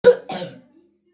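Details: 12-year-old boy with an 8-year history of cough fits disturbing sleep, treated with cortisone medicines: two quick, harsh coughs, chronic cough.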